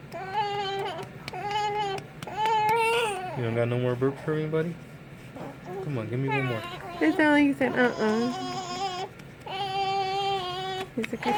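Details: Baby boy crying while his father burps him: repeated fussy crying bursts with whimpering breaks and a man's voice at times, an ordinary unhappy infant cry.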